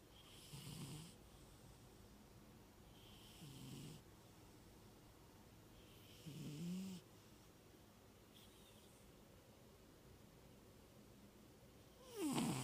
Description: My nine years old, 25lb Tuxedo male cat snores loud every night.